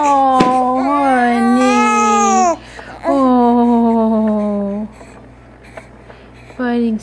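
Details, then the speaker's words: 6-week-old baby boy crying in a swing before falling asleep: drawn-out wailing cries with brief pauses to breathe, an ordinary fussy cry. "why are you crying why why are you crying honey"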